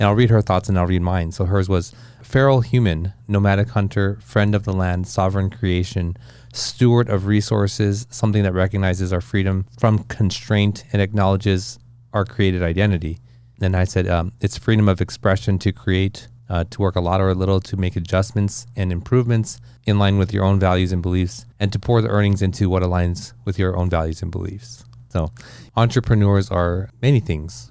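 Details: Adult man speaking; normal speech.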